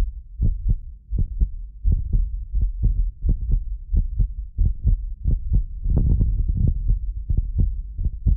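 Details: Steady lub-dub heartbeat at about 88 beats a minute with a low rumble, recorded from a medically fit adult using multiple precision contact microphones; occasional doubled clicks are recording delay artifacts: normal heartbeat.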